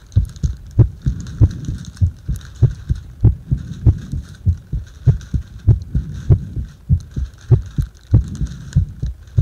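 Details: Steady low heartbeat thumps at roughly 97 per minute during paper-bag rebreathing, with a soft background hum; heart sounds.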